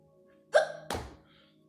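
A single abrupt voiced gulp followed by a sharp catch and a short burst, a typical hiccup.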